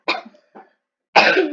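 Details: Person who is sick coughing while recording a voice reveal: two short coughs, then a longer rough cough or throat clearing.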